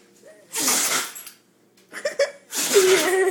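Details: Rottweiler dog: two loud, explosive sneeze bursts with a short snuffling sound between them; sneezing.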